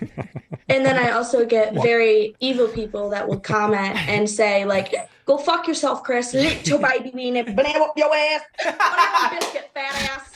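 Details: Young woman with Tourette syndrome, described as an involuntary neurological motor and vocal disorder, speech interrupted by involuntary vocal tics including swearing: vocal tics with coprolalia (Tourette syndrome).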